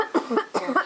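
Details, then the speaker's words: Simulated adult female burn patient on oxygen, struggling to breathe with a worsening cough, coarse lung sounds, SpO2 90–91% and CVP 2: a quick run of about four short, harsh, partly voiced coughs. "Her cough has gotten a lot worse, and her lung sounds very coarse."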